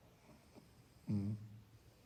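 One brief, soft, low snore against quiet room noise. Gentle snoring.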